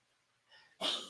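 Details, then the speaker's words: One sharp, harsh cough from an old dog, preceded by a faint intake of breath. "that would be the sound of my dog coughing he's an old dog he's no pomeranian"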